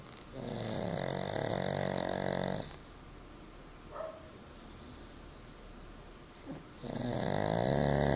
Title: pug sleeping and snoring